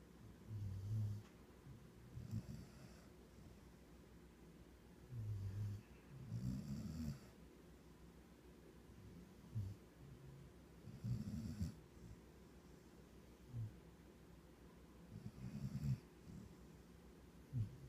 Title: Kona snores